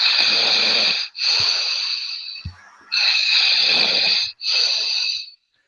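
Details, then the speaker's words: Replayed recording of snoring: rhythmic, hissy, airy breath noises in long bursts with little low rumble. "snoring dog snoring yeah sounds like you're breathing heavy oh that's funny yeah that was snoring that wasn't me snoring was it"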